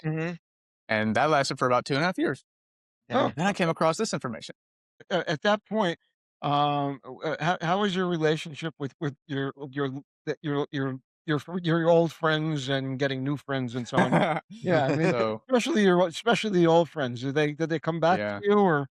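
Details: Aphasia in a male stroke survivor whose stroke came at a young age about 10 years ago, after a concussion and a brain cyst; he was in a coma for five weeks.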